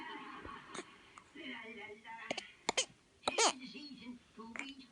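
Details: A young child gives a few short, sharp coughs between soft voiced sounds and babble: cough.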